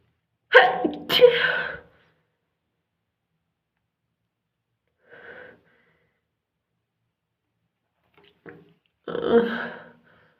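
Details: A few short, sudden explosive bursts separated by silence, fitting a run of continuous sneezing.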